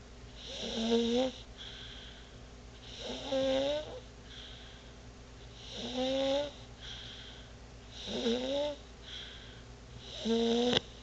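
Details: Baby snoring during sleep: regular snores with a tonal, whistling quality on each inward breath, about 24 a minute.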